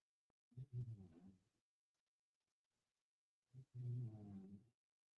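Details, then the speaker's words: Two deep, rumbling snores about a second each with a quiet pause between, from a sleeping pet whose owner likens his loud snoring to a human with a little sleep apnea; snoring. "It's unbelievable. Like a human getting a little sleep apnea. Like sometimes he'll snore so loud that I'll have to tell him I'll go macho."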